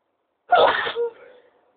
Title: high pitched sneezes